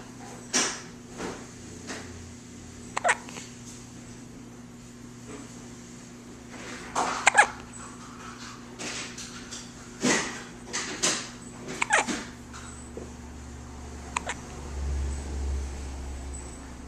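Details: A dog gives short, sharp hiccup jerks at uneven intervals over a quiet room hum, recorded with a Flip Video camcorder: hiccups.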